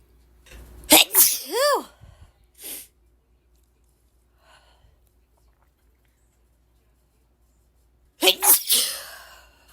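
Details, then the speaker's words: Woman with ragweed allergy in an itchy allergy attack: two bursts of repeated loud sneezes with quick catching breaths between, separated by a quiet pause, a rapid sneezing fit. "sorry just guys I can't stop sneezing I guess I'm just gonna keep recording and see how many I how many times I sneeze so I guess we'll see good sneeze again"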